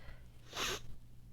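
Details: Single short, forceful sneeze through nose and mouth in a person with allergies and a current sinus infection, with itchy watery eyes, sore throat and a very sensitive nose after dust and pollen exposure.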